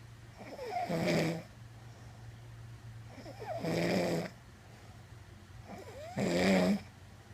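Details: Adult woman snoring during sleep: three loud, rasping snores on breathing in, about 22 a minute, with quiet breathing between them and faint room hum.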